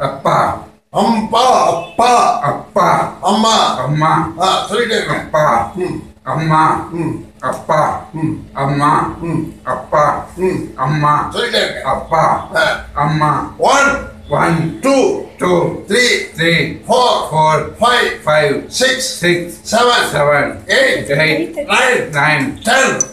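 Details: Young male with puberphonia repeating 'amma' after voice therapy, slowly gaining the male voice; puberphonia after voice therapy.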